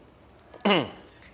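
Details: Adult clinician imitating a tic; simple vocal tic (grunt), imitated.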